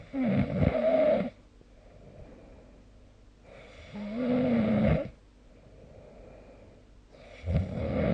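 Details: Snoring recorded with the SnoreLab app: three rough, droning snores on inhalation roughly every three to four seconds, with quiet breathing between.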